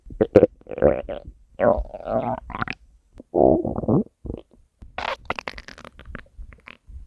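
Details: Hunger stomach growling: loud, drawn-out growls and squeaky gurgles in bursts with pauses; borborygmi.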